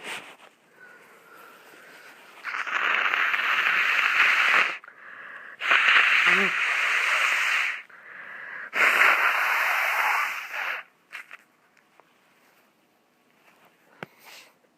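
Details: Three long, forceful nose blows with a wet, rattling congested quality, separated by brief sniffles, from a stuffy, sniffly nose.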